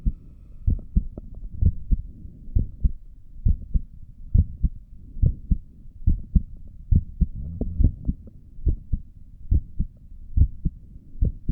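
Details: Normal heart sounds recorded by stethoscope from the recorder's own heartbeat while sitting at a desk for five minutes, with a visible neck pulse.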